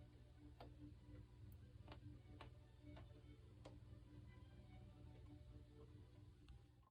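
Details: Goldfish grinding its pharyngeal (throat) teeth, also done at night without feeding and not a chewing sound: sharp, irregular clicks over a steady low tank hum, smartphone recording boosted to 140% volume.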